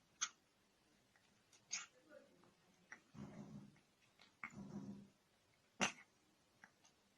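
Several sharp, brief sneezes from cats, with soft snuffles and small vocal sounds between them.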